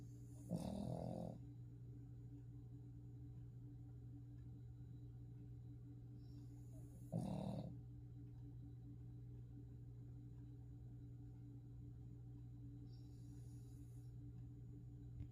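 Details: Sleeping dog snoring while moving its ears: low rumbling snores on a few slow breaths over a steady background hum; ordinary snoring.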